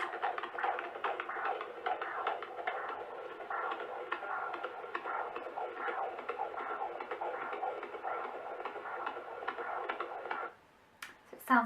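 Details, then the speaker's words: Fetal heartbeat at 16 weeks of pregnancy, heard on a handheld Doppler at a midwife appointment: fast, rhythmic whooshing pulses likened to a train on train tracks. "we got to hear the baby's heartbeat the first time I actually recorded it so I'll play you a little bit of the heartbeat now"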